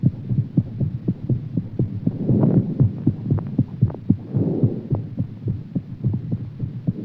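Fast, strong paired heart thumps with some breathing noise, a quickened heartbeat after exercise.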